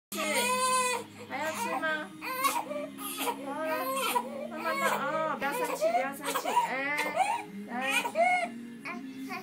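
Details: Infant crying during feeding and burping, apparently feeling hot in the room: sustained rhythmic wailing with short breaths between cries, in a small room.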